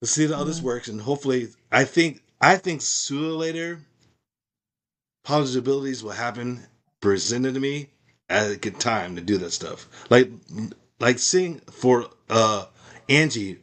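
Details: Woman with aphasia after a stroke, with difficulty understanding in meetings and needing repetition; conversational speech; aphasia.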